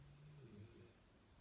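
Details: A female pet snoring while resting: a soft, low rumbling snore heard faintly in a quiet room.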